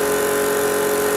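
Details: EMT skills station with a simulated apneic adult who has a pulse of 60 and a mouth full of secretions: steady motor drone with a constant hum as the portable suction unit is turned on to clear the airway; portable suction unit running.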